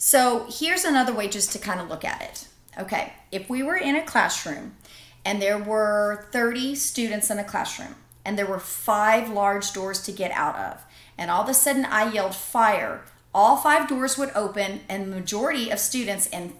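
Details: Adult woman lecturing; normal speech.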